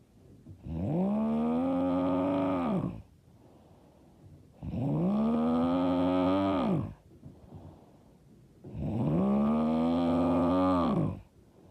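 Loud, long, rumbling snores on each breath in, about 15 a minute, with quiet breaths out between; heavy snoring.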